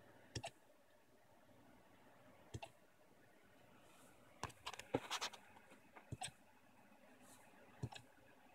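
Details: Faint, sharp little clicks about every two seconds in a quiet room: hiccups from Pixie, a small animal. Hiccups.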